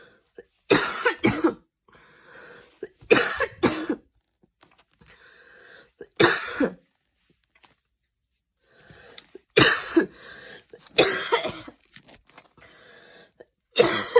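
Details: Adult coughing fit after an evening run in cold air; wheezing afterward escalated into repeated bursts of harsh coughing with quiet breathy pauses, a mild asthma attack.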